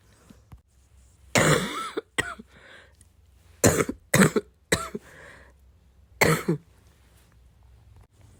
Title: coughing because I’m really sick